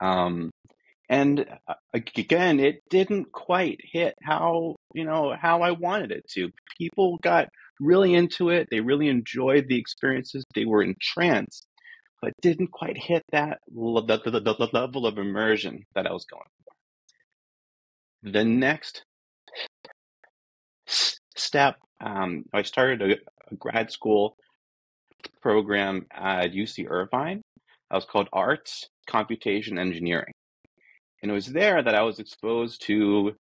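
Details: Adult man who says he is a person who stutters, real and not a recording artifact; stuttering.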